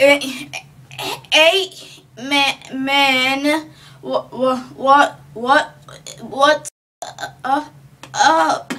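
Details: Acted dysarthria: a student in a school project skit portrays the speech and swallowing difficulty of Huntington's disease, an inherited progressive disorder of the central nervous system.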